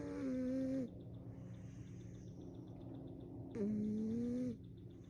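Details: Two cats snoring during sleep, recorded to compare their snoring sounds.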